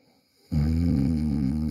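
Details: Person asleep at night, recorded on a Samsung Galaxy A40 phone: a loud, low, rattling snore after brief silence, holding steady through the in-breath; ordinary snoring.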